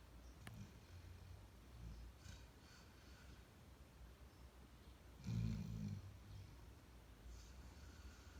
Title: Sleep talking and snoring dog...